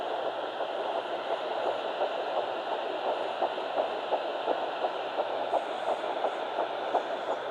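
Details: Home fetal Doppler at 9 weeks 6 days, Baby A, found on the left side after days of searching. Fast, regular whooshing pulses at about 170 a minute over steady hiss: early fetal heartbeat.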